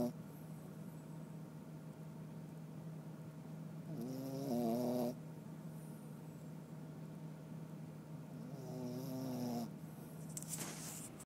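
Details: Two long rattling, nasal snores about five seconds apart over a steady low hum, a slow sleeping rhythm of roughly 12 breaths a minute; snoring.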